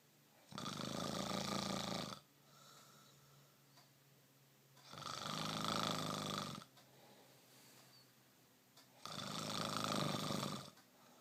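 Loud, rough, rattling snores on each breath, about every four to five seconds, with quieter breathing between; typical heavy snoring.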